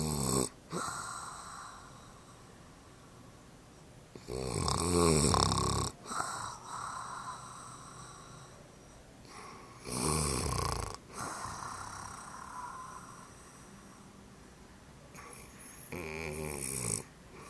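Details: Mother snoring: rough, rattling snores with snorting on each breath in, about four with quiet pauses between.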